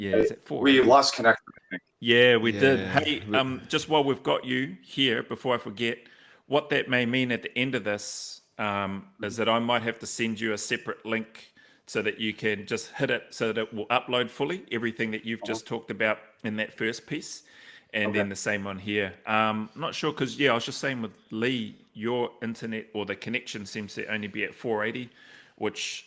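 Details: Adult man; typical speech.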